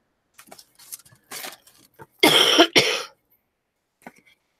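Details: After faint rustling, two short, harsh coughs in quick succession with no mucus rattle: a dry cough, with a still-running nose, on the first day of feeling better after illness.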